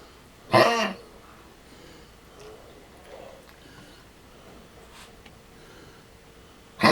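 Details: 13-year-old Lhasa Apso with tracheal collapse and an enlarged heart, coughing constantly for 6 months: a short, harsh, dry cough burst, then another at the end.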